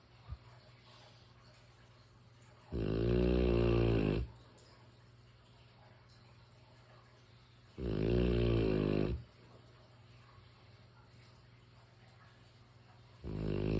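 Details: Deep, loud, vibrating snores about every five seconds with steady room hum; sleeping mastiff dog snoring.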